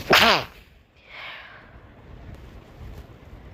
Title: Sneezes + Nose Blowing